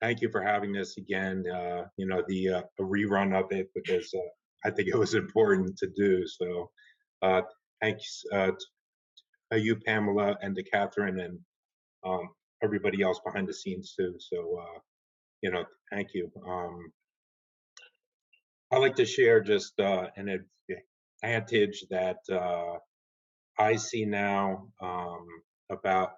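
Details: Stuttering in a woman who stutters, with sound repetitions and part-word repetitions.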